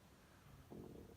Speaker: Oh my god, my stomach just growled. I hope you guys didn't hear that.